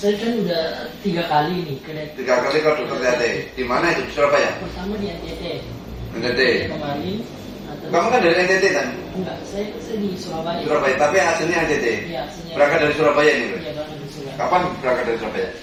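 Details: Adult male speaker in conversation, possibly a second speaker; ordinary conversational speech.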